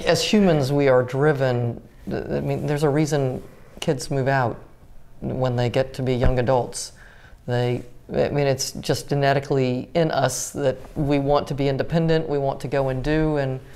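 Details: Adult speaker in conversation; normal speech.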